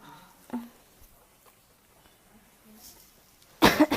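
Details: Loud harsh cough with a second burst in a quiet room, from someone hit by a flu cough.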